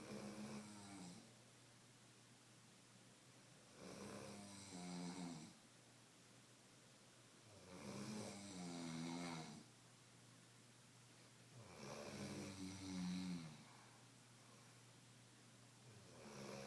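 Slow, rough snoring on each breath in, about 15 breaths a minute, with quiet gaps between; ordinary snoring.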